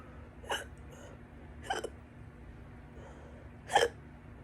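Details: Three sharp, loud hiccups about a second or two apart over a low room hum; stubborn repeated hiccups that went on for a couple more hours.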